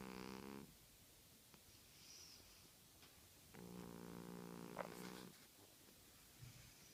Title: Our 17 year old cat snoring